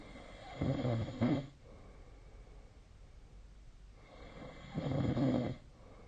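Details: Snoring during sleep, tracked with the SnoreLab snore-monitoring app: two loud, rough inhaled snores about four seconds apart over quiet room noise.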